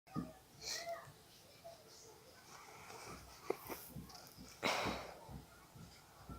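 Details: Several short, muffled bursts of an adult with allergies holding back sneezes in a quiet room, an intense stifled sneezing fit after a nose tickle.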